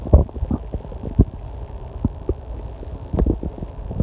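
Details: Stomach growling (borborygmi) during online testing in a quiet room with a loud clock and air conditioner: irregular low gurgling rumbles and pops over steady room hum, still going strong.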